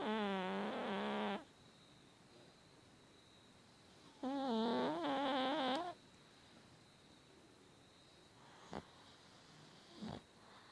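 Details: Fat cat snoring: two drawn-out, whistling, voiced breathing sounds separated by quiet pauses, with faint clicks later; snoring.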